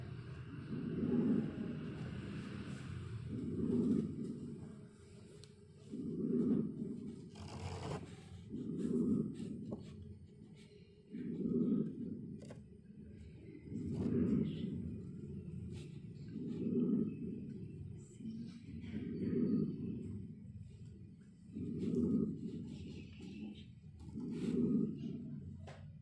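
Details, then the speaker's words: Lung auscultation through a stethoscope: regular breaths at about 23 per minute, each with a low, musical wheeze; sibilant wheeze, heard after normal vesicular breath sounds elsewhere. "Es una sibilancia. Esto está muy bien."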